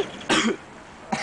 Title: coughing and laughing